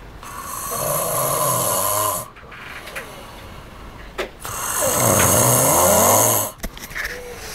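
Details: Heavy snoring from an overweight Chinese boy: two long, loud, rattling snores on inhalation, separated by a quieter breath out.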